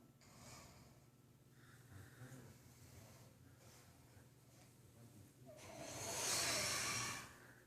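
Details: Sleeping animal named Franz snoring heavily, looking like a walrus gasping for air: snorting, wheezy breaths ending in a long hissing exhale; harmless snoring.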